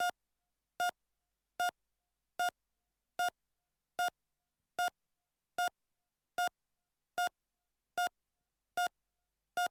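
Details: Simulated heart monitor sound effect: steady, evenly spaced beeps at about 75 per minute, a normal heart rate.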